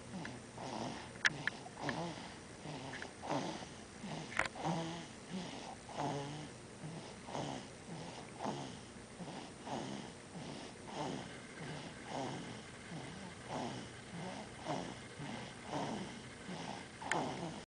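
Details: Steady soft snuffling snores, roughly one every second or two, with a faint wheezy edge, from a sleeping 2-month-old baby boy; rapid light snoring.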